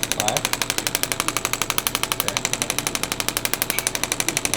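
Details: Steady rapid clicking pulses, about 4 per second, from a radial shockwave therapy device on an adult male triathlete's painful left knee, intensity about 4–7 of 10; faint room noise.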